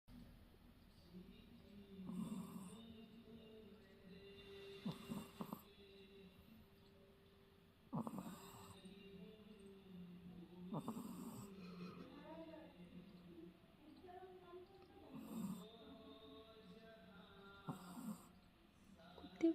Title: Never ever seen a dog snoring while sleeping #shinzu #shihtzu #cutepuppy #puppy #murphy #sleepingdog